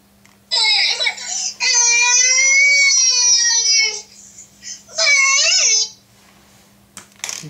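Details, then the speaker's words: A high-pitched infant cry in three wailing bursts over a steady low hum, used to test a phone's baby cry detector: infant crying. "Now you can see the phone is detecting the baby crying sound and it's showing you right here."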